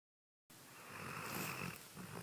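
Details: Snoring from a dog named Roxy sleeping comfortably at night: one rough, fluttering snore on the in-breath, an ordinary sleep sound.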